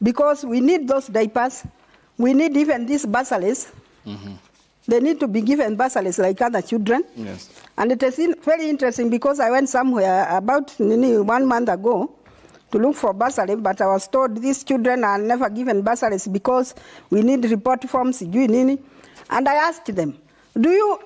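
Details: Adult woman speaking in conversation; normal speech.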